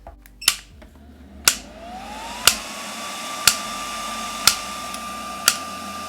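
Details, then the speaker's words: Sharp clicking impacts at a steady one per second over rising motor whine from a ShockWave Pro device preset on mode C for the wrist, automatically counting pulses until the designated time. "then you hit start and it automatically counts the impacts and it will shut off when it's when it's at the designated time"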